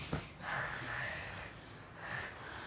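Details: Child imitating her parents' snoring: a short nasal snort, then drawn-out rasping, whistly breaths in a small room. Imitated snoring.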